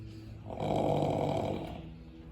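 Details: Rescued off-track thoroughbred racehorse snoring: one long, buzzing, rattly breath lasting about a second, with a steady hum in the background.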